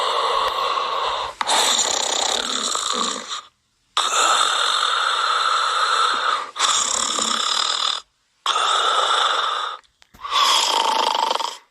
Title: Snoring Sound Effect